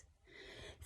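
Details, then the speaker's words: Simulated sleep apnoea demonstration: a brief, forceful gasping intake of breath imitating the recovery breath that ends an apnoea pause; such pauses are followed by heavy breaths or choking. "Ces pauses, ils sont suivies de respirations fortes ou bien même d'étouffement."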